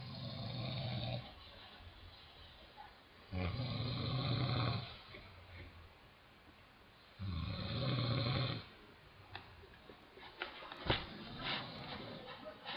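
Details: Father snoring at night in a room on a family road trip: loud, low, rattling snores on the in-breath, each about a second and a half, with quiet pauses between and small room noises.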